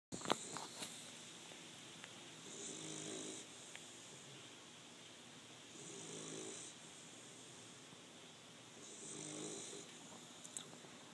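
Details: Male bully dog asleep in a quiet room, giving three soft, rattling snores on the in-breath about every three seconds (roughly 18 breaths a minute): snoring during sleep.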